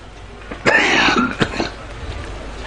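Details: Former prime minister with a severe cough while giving a speech: two or three harsh, rough cough bursts with throat clearing in a room.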